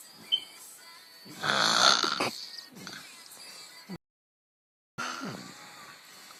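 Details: Snoring, a son said to snore like his mother: rough, rattling snore-like breath, a brief silent gap, then another throaty snort over faint background noise.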